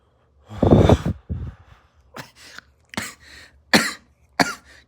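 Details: Adult's harsh, strained exhalation after taking a rip (smoke inhalation) breaks into a run of about five short, sharp coughs: a coughing fit after inhaling smoke.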